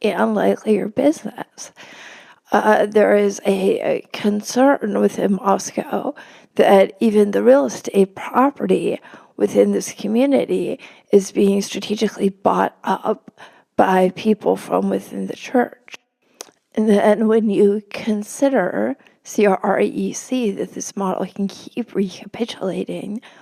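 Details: Adult woman with spasmodic dysphonia, speaking as a podcast guest: spasmodic dysphonia.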